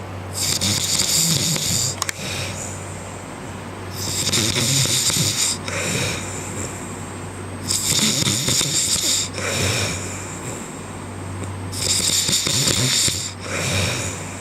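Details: Man snoring in a hotel room, keeping his colleagues awake: harsh, hissing snores in regular cycles of about four seconds, roughly 15 breaths a minute, over a steady low background hum; snoring.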